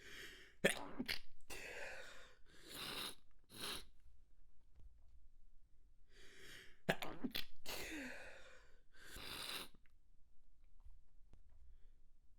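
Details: Two bouts of stifled, manually induced sneezes, each a quick run of sharp, muffled bursts with breaths between: stifled sneezes.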